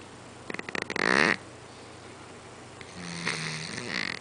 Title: cat snoring on couch